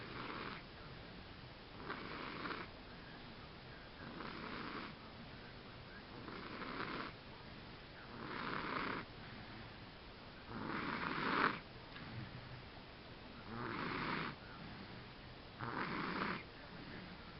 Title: snoring